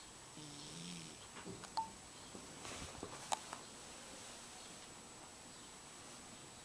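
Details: Cat snoring.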